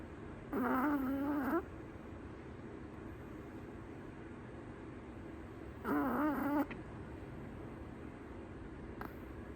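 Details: Female Chihuahua in deep sleep in her owner's arms: two soft, buzzing snores with a slight whistle, spaced several seconds apart, over steady room hiss; gentle snoring.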